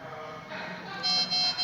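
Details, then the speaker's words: Anesthesia machine check, oxygen supply pressure failure test with the oxygen closed: high-pitched electronic alarm tones sound in bursts over room noise, warning of low oxygen pressure. "wait for the moment here the alarm starts to shout this indicates that there is other on this best to prevent disaster"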